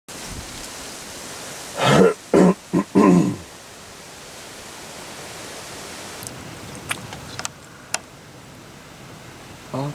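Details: Lioness in Kruger National Park sneezing while crouched stalking impalas, scaring them away: four short, forceful nasal bursts in quick succession, then outdoor quiet with faint clicks.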